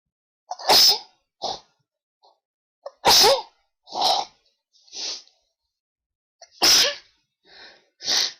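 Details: Ongoing sneezing attack attributed to high pollen, with an attempt to announce each sneeze: three loud explosive sneezes, each preceded by a quick in-breath, with softer sniffs and breaths between; sneezing.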